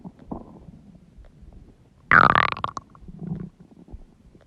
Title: Huge stomach growling noises | My Stomach Makes Noises